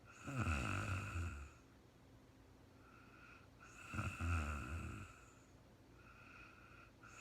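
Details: Real-time recording of a sleeping woman, no talking: two rattling snores on the in-breath, each followed by a quieter breath out, in a quiet room; snoring during sleep.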